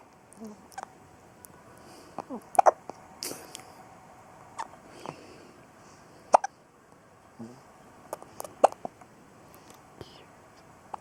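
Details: A son with hiccups: repeated short, sharp hiccup sounds at irregular intervals in a quiet room.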